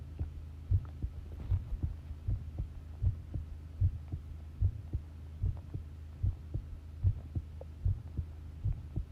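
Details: Long heart sound recording of a pounding heartbeat: steady, strong beat at about 75 beats per minute over a low steady hum; normal heart sounds.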